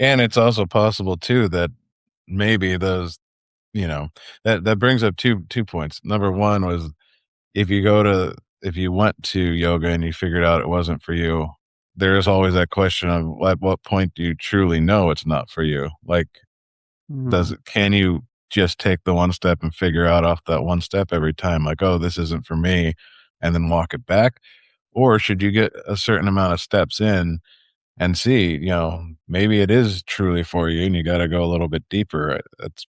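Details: Adult male speaker; normal speech.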